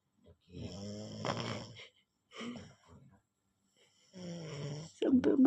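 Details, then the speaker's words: Child said to be 3–4 years old snoring in sleep, said to sound like an adult man: loud, deep rattling snores over repeated breaths, unusually heavy for a small child; snoring. "Ana 3 4 tahun cuk [mendengus] ngornya kayak bapak-bapak."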